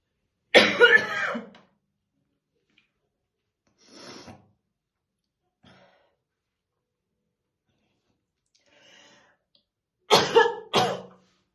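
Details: Real, unacted morning coughing fit of a female smoker brushing her hair: deep, harsh coughing bursts with quiet breaths between them; heavy smoker's cough.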